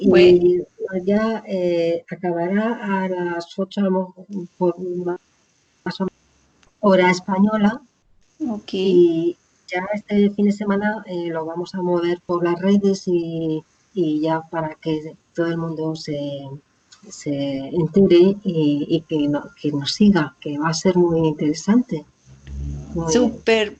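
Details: Woman with aphasia after a stroke; initially could not speak at all, slowly recovered words through speech therapy, still speaks more slowly with more errors; aphasia.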